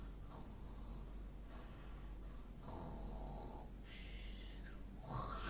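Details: Performed snoring right after saying "I snore": low rumbling breaths recur every second or two, some with a hissy rasp; snoring.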